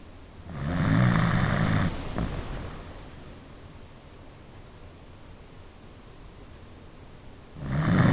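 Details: Sleeping dog: deep, fluttering snores each lasting over a second with long quiet pauses between; ordinary snoring.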